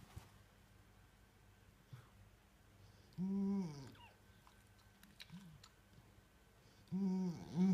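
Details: Two loud, rattly, voiced snores, each half a second to a second long, in a quiet room, from a sleeping miniature bull terrier; loud snoring.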